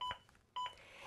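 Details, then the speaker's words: ZOLL AED Plus CPR training demonstration: two short electronic beeps with soft thuds as the adaptive CPR metronome resumes when chest compressions restart after two breaths, pacing the rescuer toward 100 compressions per minute. "the beeps act as an adaptive metronome that sees my compressions and tries to speed them up"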